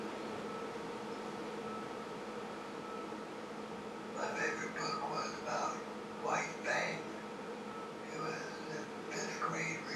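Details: Person with dysphonia (a disordered voice) but no dysarthria, with speech intelligibility not disordered; dysphonia.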